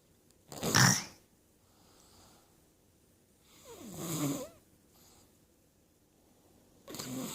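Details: A young girl asleep and snoring, following her father's habit: rough, rattling snores on each breath, roughly three in seven seconds, with quiet pauses between; snoring.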